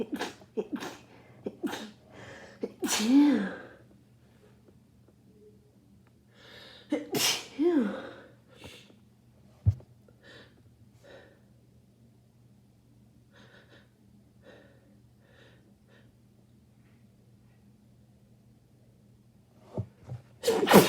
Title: Rapid sneezing from my cold (and nose blows)